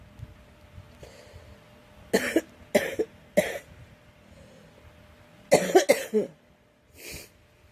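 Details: About seven sharp coughs in two short runs, the last one softer, from an adult woman struggling with a cold.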